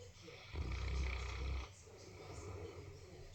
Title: I don't snore